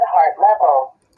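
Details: Synthetic voice announcement from a digital electronic blood pressure monitor as it is switched on with the cuff tightened on the arm, before automatic inflation; the reading later shows 131/95.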